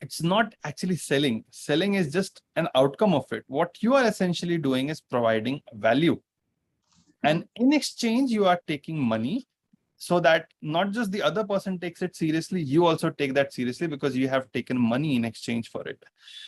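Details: Adult speaker; fluent speech.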